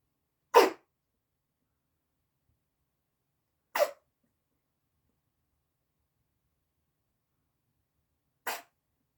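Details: Three brief, sharp, airy bursts a few seconds apart in a quiet room; the owner asks whether the kitten is sneezing.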